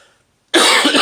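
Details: A single loud, harsh cough after near silence from an adult with a hoarse, raspy voice since catching an illness at the start of the month.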